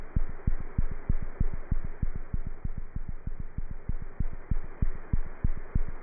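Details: Normal cat heart sounds through a stethoscope: fast, steady heartbeat near 190 beats a minute with hissing background noise.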